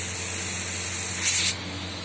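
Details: Steady hissing spray of a nebulizer running during home ventilator/nebulizer machine use, over a low motor hum, briefly louder near the end; nebulizer running.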